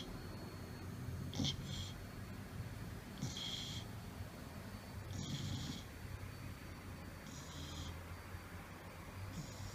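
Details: Golden retriever snoring heavily while asleep: low, steady rumbling breathing with a hissy, whistling rush roughly every two seconds, about 30 breaths a minute.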